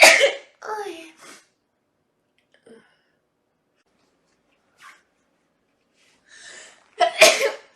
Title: Allergy Sneezing Compilation